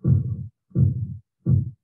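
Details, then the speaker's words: Korotkoff sounds from a normal blood pressure in a classroom demonstration with a sphygmomanometer cuff: thumping sounds heard only while cuff pressure lies between systolic and diastolic, and silent above systolic. "and all the way up the systolic you could hear that thump thump some thump but when your pressure exceeds systolic then the cuff pressure is too tight and blood can't flow at all so you have no sound"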